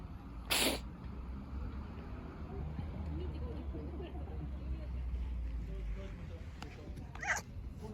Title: 【cats diary】cat vs Cold sneeze…🤧